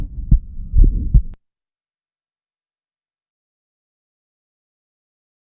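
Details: Child: brief run of rapid heart sounds with a sharp early systolic click and a soft systolic murmur, which some pediatricians report as a split first sound; ejection click with systolic murmur.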